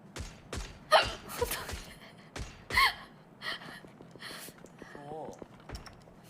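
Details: Sudden sharp gasping catches every second or two amid a Korean streamer's speech: hiccups.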